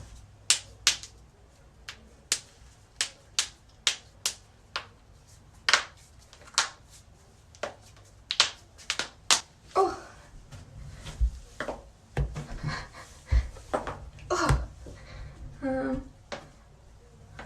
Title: loud joint cracking #shorts